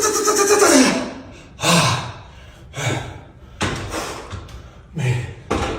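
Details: Knee crepitus: repeated sharp cracking and popping from the knees with movement, like Rice Krispies; the knees are pain-free and feel fine, and the joint noise is described as not indicating damage.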